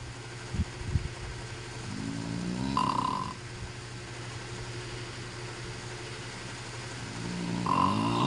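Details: Husband snoring during sleep: two low, rattling snores about five seconds apart over a steady background hum.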